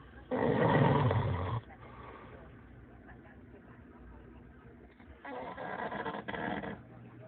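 Two loud, rough, rattling snores separated by quieter breathing: snoring.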